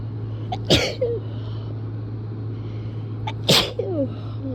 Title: Very strong turned on sneezes